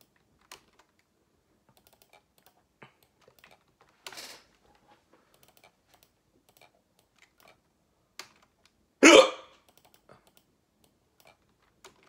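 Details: Hiccups that won't stop: one loud abrupt hiccup burst and a softer earlier one amid faint keyboard clicks; persistent hiccups.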